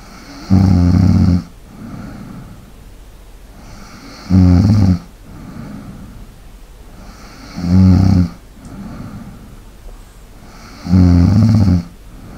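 Loud, regular rattling snores on each in-breath, about 18 a minute, with quieter breathing between them; snoring.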